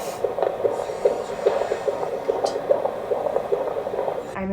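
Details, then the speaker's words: Doppler of the fetal heart in a woman at 40 weeks pregnant, in labour, just after her waters broke with clear fluid: rapid, regular galloping whoosh-thumps at about 145 a minute with some room noise; normal fetal heart rate. "Beautiful. And I'll just have a quick little listen to your babe."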